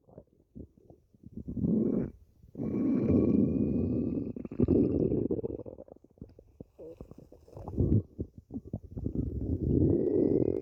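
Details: Loud, bubbly gurgling and rumbling from the belly in long irregular bursts over background music; ordinary stomach growling (borborygmi).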